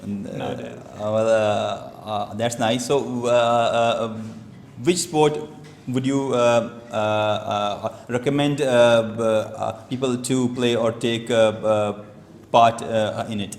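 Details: Stuttering in an adult male who reports stammering since age two, heard while giving a prepared speech at a stammering-support public-speaking session.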